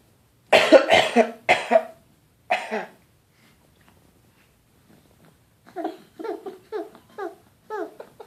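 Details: A 6.5-month-old infant, prompted with "big cough", deliberately imitates coughing with a series of playful, cough-like bursts, a voluntary fake cough rather than illness.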